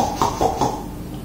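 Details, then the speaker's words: Young baby: three short snuffly bursts of noisy nasal breathing, the sound of partly blocked nasal passages. "now these noisy breathing is a very common problem which we find with young babies they can produce many types of sounds one could be nasal sound"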